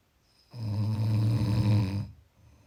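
A single deep, rumbling snore lasting about one and a half seconds in a quiet room: ordinary snoring.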